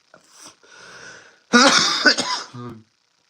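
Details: Adult streamer still sick with a common cold, apologising for coughing and wheezing: soft throat-clearing, then a loud burst of several harsh, rapid coughs ending in a brief voiced grunt; repeated cough.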